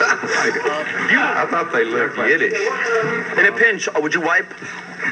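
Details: Real stuttering in an adult man publicly known as a stutterer, heard asking a question at a band's Q&A session.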